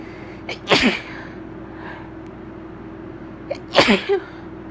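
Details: Tickly allergy sneezes: two loud sneezes, each with a quick preceding inhale and a sharp explosive burst; sneezing.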